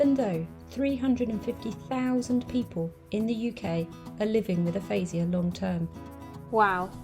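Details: Adult woman speaking; ordinary speech.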